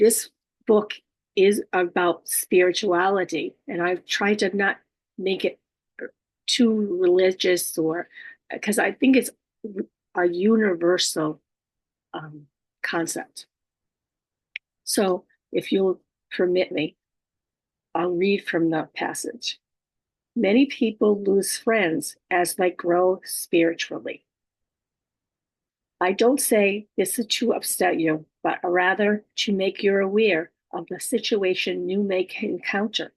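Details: Adult female stroke survivor living with aphasia, apraxia of speech and dysarthria. Aphasia.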